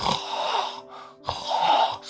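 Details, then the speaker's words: Two harsh, rattling snoring breaths through a narrowed airway in a patient with severe obstructive sleep apnea who failed CPAP; jaw falls back and throat is blocked, with struggling breaths and arousals. "숨을 쉬려고 하지만 지금 목이 꽉 막혀 있는 상태이기 때문에 숨이 안 들어가고 있죠"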